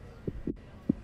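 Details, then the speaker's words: Simulated (virtual reality training) premature 30-week newborn with respiratory distress, after ventilation with chest rise and CO2 colour change: soft, fast, regular thumps, heart rate up to 120, sats 90; normal neonatal heart sounds. "and look our heart rate's up to 120 and our sats are 90"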